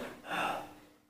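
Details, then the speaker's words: Adult imitating the inspiratory whoop of whooping cough (pertussis), a single harsh drawn-in breath, described as heard before, during and after coughing. "आमतौर पर काली खांसी बच्चों को होती है जाता है बड़ों को भी होती है किसी को भी हो सकती है इसकी चिंता मत यह हैं कि खान से वक्त हॉप की आवाज आती है"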